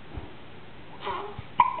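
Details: Hiccups in a 2-day-old newborn: short, sudden catches of breath with a soft squeak.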